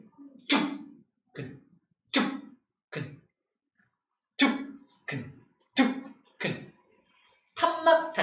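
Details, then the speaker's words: A voice imitates the normal heartbeat with short paired syllables ("tuk"), explaining that the first sound comes from the valve closing as blood leaves the ventricle: normal S1 and S2. "첫 번째 툭이 바로 요 위에 판막이 닫힐 때 나는 소리 툭! 툭 하면서 여기 심실에 모여있는 혈액이 쫙 나갈 거 아니야."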